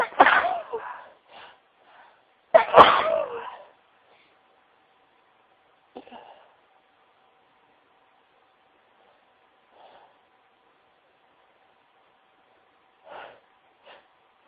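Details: Two loud sneezes into tissues, the first partly muffled by a tissue, followed by quiet sniffs and tissue rustling.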